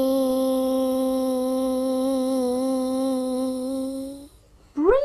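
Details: Childhood apraxia of speech in a seven-year-old girl during Nuffield Centre Dyspraxia Program therapy, sustained vowel practice: a long 'e' in isolation.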